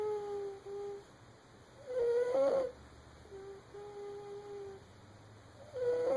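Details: A sleeping baby makes repeated high-pitched, squeaky, whistling sounds with each breath, about every two seconds, over quiet room noise: infant snoring.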